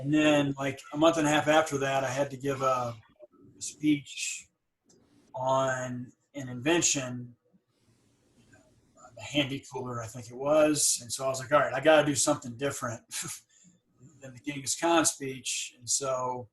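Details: Adult woman with stuttering, long hidden (covert stuttering), who has had speech therapy; stuttering.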